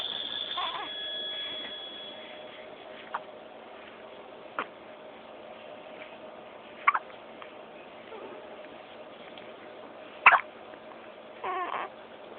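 Quiet room with sharp, brief hiccup clicks recurring irregularly, about four or five in twelve seconds.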